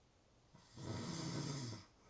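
One long, low, rattling snore on an in-breath, lasting about a second, with quiet breathing before and after.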